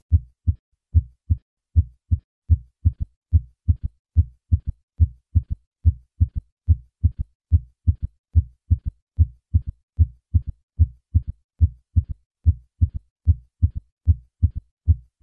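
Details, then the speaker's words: Third heart sound (S3) in early diastole, shortly after S2, heard with the stethoscope bell at the cardiac apex, best with the patient in left lateral position; normal in children and young adults, over 40 suggests decreased left ventricular function. "a third heart sound is usually heard with the bell of the stethoscope at the apex this sound occurs as a normal variant in children"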